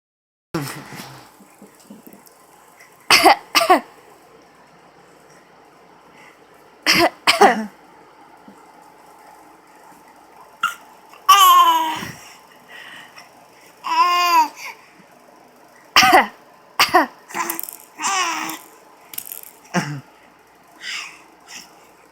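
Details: Infant aged 4.5 months who has learned to fake cough: short, deliberate cough-like bursts mixed with coos and squeals, a playful voluntary cough.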